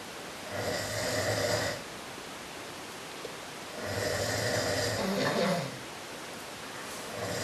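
Two long, rough, rumbling breaths about three seconds apart over steady room hiss, typical of snoring.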